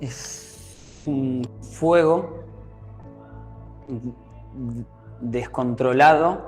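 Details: Stuttering in an 18-year-old male, present since age 5–6, absent through primary school, recurring in first year of secondary school, with involuntary mouth movements while speaking.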